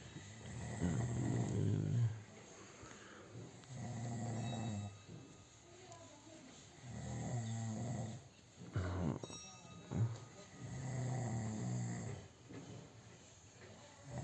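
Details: Snoring in a sleeping man: deep, rumbling snores recurring about every three seconds, roughly 20 a minute, in a quiet room.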